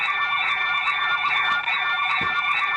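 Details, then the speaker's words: Emergency nurse-call alarm on a Commax hospital nurse call system: a continuous high electronic tone with pulsing overtones. Pressing the ES400 emergency button triggers it, call functions are blocked, and it sounds until a nurse attends and presses the PB500 presence switch. "in this case the system automatically blocks the call function and keeps the alarm sound on until a nurse attends the patient and press the present switch pb500"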